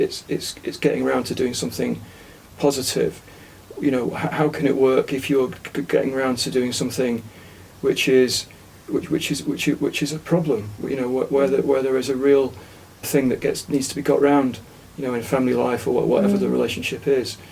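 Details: Aphasia following a stroke about a year earlier in an adult man, after taking part in a conversation-therapy group, with frequent word and syllable repetitions and restarts; aphasia.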